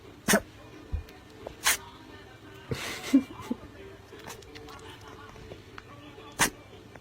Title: HILARIOUS ANIMAL SNEEZES ! TRY NOT TO LAUGH. #funnyanimals